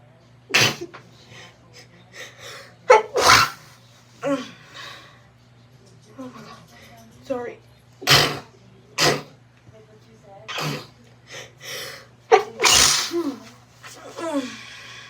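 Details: Repeated sneezing while reading a book aloud: several sharp, explosive sneezes, about six, scattered between snorts, sighs and brief speech in a quiet room.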